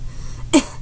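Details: Patient with ALS on a home ventilator gives one brief, soft, low-force cough over a steady low machine hum; a weak cough that clears phlegm poorly.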